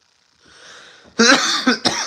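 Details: Adult who has been sick for some time and is still recovering, recorded during a chat stream; cough.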